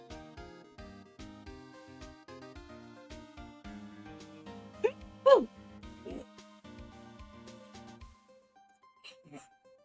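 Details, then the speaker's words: Streamer gives about four quick sneezes in a row, deliberately stifled and muffled to avoid sneezing fully on a live stream with an unmuted mic, over background game music: suppressed sneezes. "It was like four four sneezes in a row and it's like I was trying not to um fully sneeze on stream cuz I couldn't I didn't have a chance to mute my mic so I was trying to hold it in."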